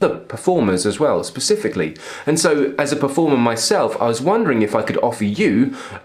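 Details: Adult man speaking; ordinary speech.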